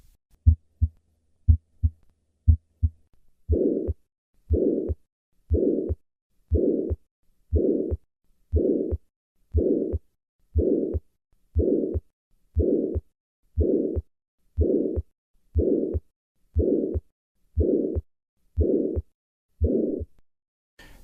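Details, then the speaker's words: Patient with a small restrictive ventricular septal defect, best heard left sternal border fourth or fifth intercostal space: three plain beats, then a loud harsh grade five holosystolic murmur at about 60 beats a minute; holosystolic murmur. "This murmur is usually heard best to the left of the sternum in the fourth or fifth intercostal space. It is due to the pressure gradient between the high pressure left ventricle and the low pressure right ventricle during cy."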